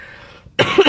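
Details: After a brief quiet moment, a single sudden, harsh, loud cough that is cut short.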